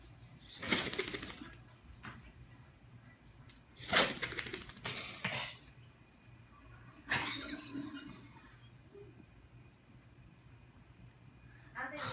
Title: Italian Greyhound Oreo Sneezing